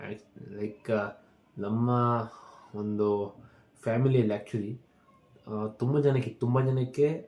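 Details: Adult man speaking Kannada, with stammering since childhood, worse when speaking live or on the phone; practising daily to speak calmly; stuttering.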